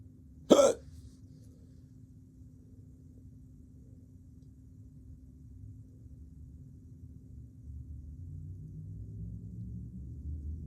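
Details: A single sharp, abrupt hiccup followed by quiet room noise, recorded at work during a hiccup episode that lasted a few more hours; hiccup.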